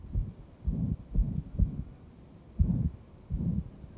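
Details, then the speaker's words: 38-year-old man with ventricular septal defect, pulmonary stenosis, cyanosis and clubbing: low heart sounds with a murmur, second heart sound widely split, possibly almost fixed; no separate aortic murmur. "heart sound is this a bit widely split and there is some suggestion that it may be almost fixed"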